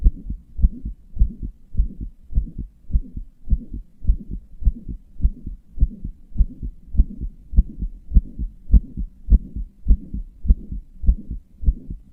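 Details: Regular heartbeat about 100 beats a minute, each beat followed by a soft whooshing sound; heart murmur.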